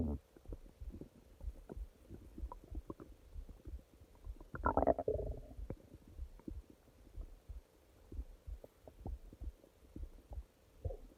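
Irregular low gurgles and rumbles from the belly, with one louder longer gurgle midway; ordinary stomach growling, normal bowel sounds.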